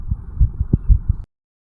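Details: 34-year-old male after jogging uphill, recorded at the mitral (bicuspid) valve area: rapid, strong heart thumps at 160–180 bpm, the heart pumping hard. A fast heartbeat after exercise (sinus tachycardia).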